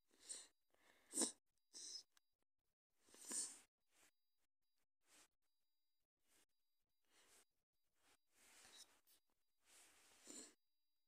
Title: strong stifled sneezing 🤧/my nose at the end